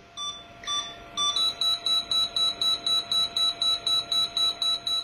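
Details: Electronic apex locator during root canal working-length measurement on a mandibular tooth: a few separate beeps, then steady rapid high beeping, about four a second, as the file reaches working length at the apical constriction (end of blue scale).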